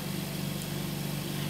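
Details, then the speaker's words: Veterinary oxygen concentrator (8 L/min model) running, with a flow meter and humidifier: a steady low mechanical hum with a fine pulsing drone as flow is turned up and bubbles show oxygen flowing. "and as we turn that on we should start to see our bubbles appearing in the humidifier to indicate that oxygen is now flowing"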